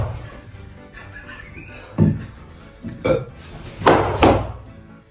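A few loud, throaty burps in quick succession over background music.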